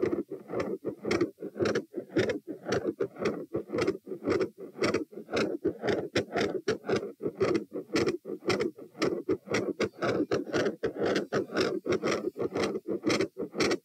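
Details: Stress-test auscultation at the tricuspid (T) position as the patient goes from lying to sitting, standing, a few knee bends, standing and lying, at 84-96-108-120-96 bpm: heart sounds that start quiet and end very loud after exertion.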